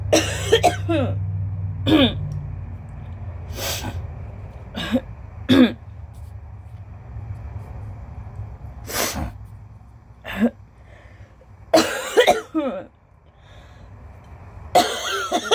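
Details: Cough with allergies: repeated harsh cough bursts with throat clearing, spaced over several seconds, against low room noise. The person, with possible wheezing, reports no asthma but mild lung damage diagnosed in infancy.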